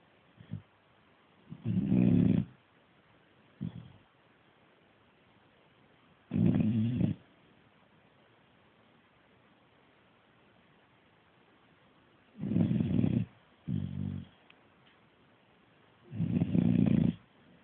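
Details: Staffie pup snoring in low, rumbling, irregular bursts with quiet pauses and short snorts while asleep after a hard day of chewing.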